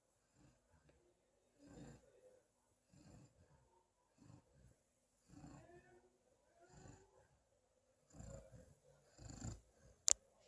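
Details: Female black East European Shepherd dog asleep and lightly snoring: soft, irregular rasping breaths, about six in ten seconds, in a quiet room, ending with a sharp click.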